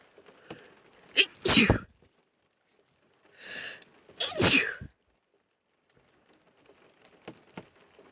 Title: female sneezes